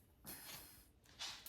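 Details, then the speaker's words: Sleeping female dog snoring, owner remarks she needs to lose some weight: two short, hissing, snorting breath noises. "no cuz I already know my dog snores she snores I ain't never had a dog snore she the first one"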